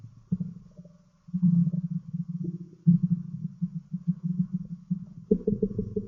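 Low, pulsing, groaning rumbles with a rising gurgle near the end; ordinary stomach growling.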